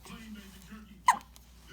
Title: Happy has the Hiccups